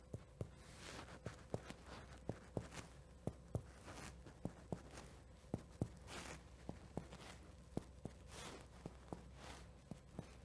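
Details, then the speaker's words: Chest percussion marching down the back, comparing side to side: about ten paired taps. The resonant note over the lungs turns dull below the diaphragm, over the spleen on the left, a normal finding. "note that right around here is the transition point where i go from resonance to dullness which in this case would be me moving from the above the diaphragm where i'm procrastinating the lungs to below the diaphragm where presumably i'm procrastinating the spleen on the left side"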